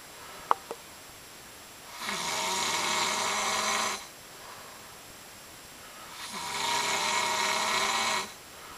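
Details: Man asleep at 3:30 AM snoring loudly enough to keep someone awake: two long, loud, rattling snores on breathing in, about 14 breaths a minute, with quiet between; snoring.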